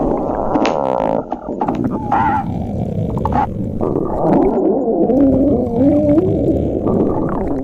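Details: Continuous low gurgling rumble with squeaky, gliding whine-like tones rising and falling over it: stomach growling (borborygmi).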